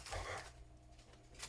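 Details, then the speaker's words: Dog, female, coughing: a quiet, muffled honking cough burst, with a second brief burst at the end; owner says she's fine. "Sorry, if you're going to hear that, that's my dog just like coughing today. She's fine. She's just being dramatic."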